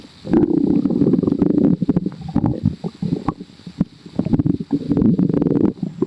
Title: sooo bubblyyy | stomach growling